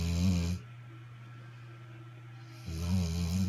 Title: Pepper snoring